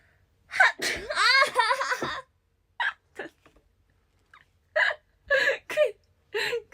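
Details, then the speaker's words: Young Japanese woman, who says she has hay fever and an itchy nose, speaks briefly, then gives a few short catching breaths and a sharp burst, an ordinary sneeze. "くしゃみしちゃった化粧水なんですかこれ。"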